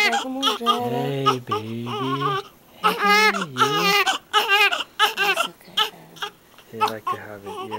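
High-pitched newborn crying in short bursts, mixed with an adult's soft talking; an ordinary first-day cry.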